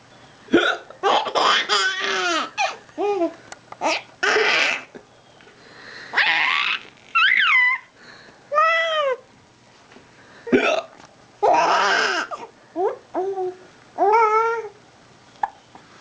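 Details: Adult man (daddy) with hiccups; abrupt hiccup gulps mixed with bursts of laughter from others.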